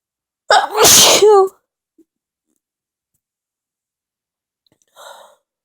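One loud, forceful sneeze with a sharp intake and explosive burst, then a faint trailing sound.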